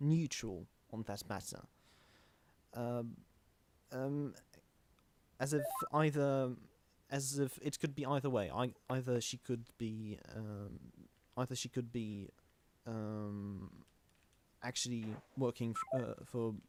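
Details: Stuttering in a male podcast host who calls himself the stammering host; his co-hosts do not stammer.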